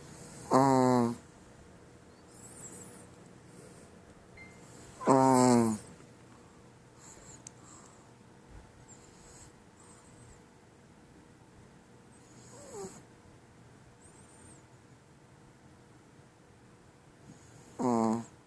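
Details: Sleeping female chihuahua snoring: three brief, high-pitched, squeaky snoring sounds a few seconds apart in a quiet room.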